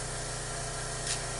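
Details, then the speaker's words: Portable suction machine running during a tracheostomy suctioning competency demonstration, tested by occluding the catheter tip in water. Steady motor hum with low pulsing drone and brief airflow hiss. "so I'm going to come here and turn all my suction and I'm going to test it by putting it in the water"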